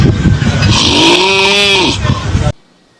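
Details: Imitated snoring by an adult: one long, rough, rattling snore-like noise with a brief droning voiced tone, then silence, demonstrating snoring linked to possible sleep apnea.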